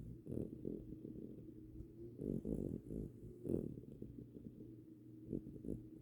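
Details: Winston snoring: soft, low, fluttering snores repeating with each breath, close to a purr; quiet snoring.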